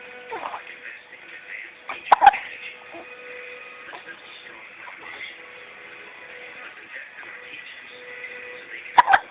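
Two abrupt, sharp hiccup sounds several seconds apart over quiet room noise with faint background sound.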